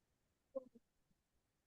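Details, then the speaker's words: 11-month-old infant with croup: a single short, harsh, low-pitched, seal-like barking cough. "Sounds like a seal. Hear that? That's an 11th month old with creepy cough."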